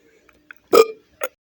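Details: A single loud, low, throaty belch lasting about a quarter second, then a brief softer vocal sound; ordinary burping after guzzling a glass of 7 Up in a burping challenge.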